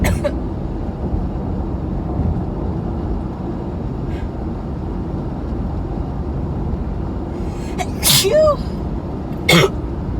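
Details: Adult with a nose tickle and bright red nose, recorded while driving home: steady road noise, then two sharp, explosive sneezes.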